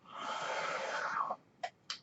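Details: A long, airy rush of mechanical airflow, then two brief puffs, from the home breathing ventilator the speaker uses while talking.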